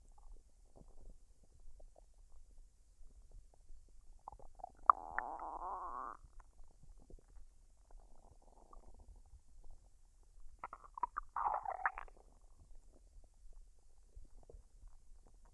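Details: Woman digesting a dinner of fried rice and duck, unedited with no artificial sounds or talking: quiet gurgles and squeaky rumbles come and go over a hushed background. Normal bowel sounds.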